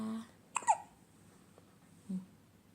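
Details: Infant's hiccup: a single abrupt, squeaky catch with a quick double onset, heard between soft voices.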